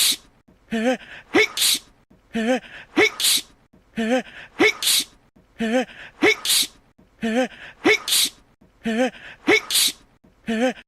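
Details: Animated character Yang Wenli sneezing repeatedly: voiced 'achoo' sneezes, about seven in eleven seconds, steady rhythm roughly 37 a minute.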